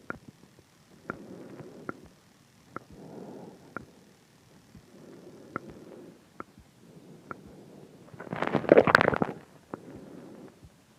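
Sharp, regular clicks about 65 a minute over soft breath noise; a pulse-synchronous clicking sound in the throat.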